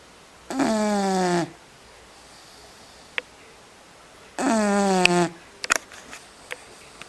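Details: Two loud, buzzing, tonal snores that each drop in pitch, about four seconds apart, with small clicks between them: loud snoring.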